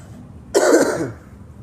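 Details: Dry cough: one harsh, dry cough burst lasting about half a second, with no rattle or wet sound; a non-productive cough.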